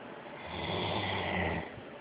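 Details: Great Dane snoring loudly in sleep: one long, rough, rattling breath, loud in the middle and fading at the end.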